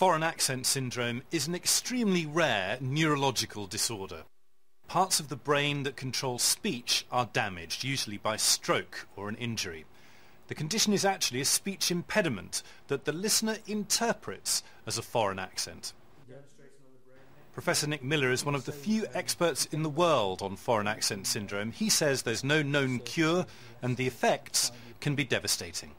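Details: Adult male narrator; ordinary speech.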